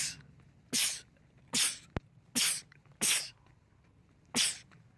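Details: Man's rapid sneezing attack: a run of five sharp, explosive sneezes in quick succession, from a compilation of film/TV clips.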